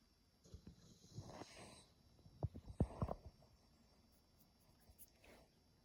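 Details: Sleeping dog snoring: irregular snuffling, fluttering breaths with a few sharp snorts in the middle, then quiet.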